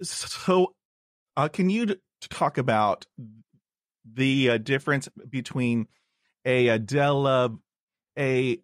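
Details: Stuttering in an adult man, with a word repetition.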